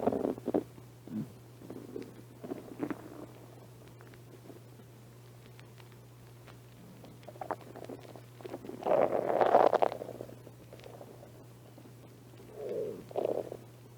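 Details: Soft scattered gurgles with a longer rumble near the end over a steady low hum, from a person who has not been eating much lately: mild stomach growling, hunger-related bowel sounds (borborygmi).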